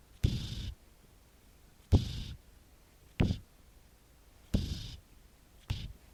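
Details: A cat resting on a sofa snores, recorded with a phone recorder app: five short, rough, low snorts with a breathy hiss, repeating every second or so in a quiet room.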